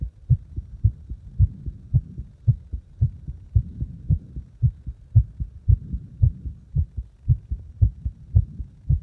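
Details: Heart deliberately made faster and slower: clear, regular heartbeats at about 110 per minute, a fast rate; heart sounds with changing heart rate.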